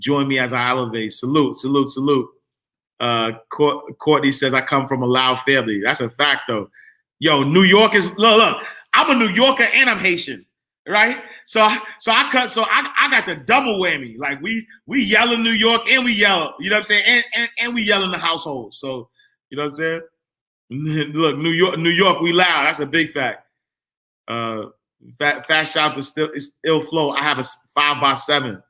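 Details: Adult man who stuttered as a kid, stutter still emerging when talking fast or excited; stuttering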